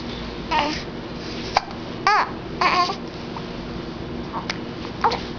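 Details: Baby: short, abrupt little voiced catches repeating every second or so among soft babble; infant hiccups.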